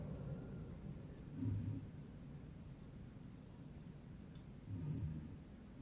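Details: Mother snoring, said to sound like a fox: two rough, noisy breaths about three seconds apart over steady room noise; snoring.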